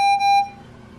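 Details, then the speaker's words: Home pulse oximeter monitor of a former 29-week preemie infant on home oxygen via nasal cannula: single steady electronic beep, alarming because the sensor needs changing, not for low oxygen. "that's his monitor going off now but it's not actually alarming because he's low in oxygen it's alarming because we need to change the sensor"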